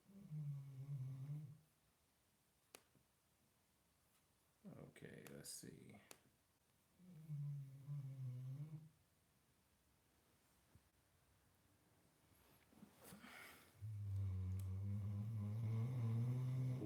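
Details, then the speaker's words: Sleeping dog snoring loudly during a dog-training Q&A: low, rumbling snores in slow, regular breaths with quiet pauses between them. "do you guys hear that snoring holy smokes"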